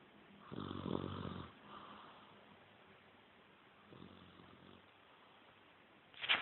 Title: snoring like daddy !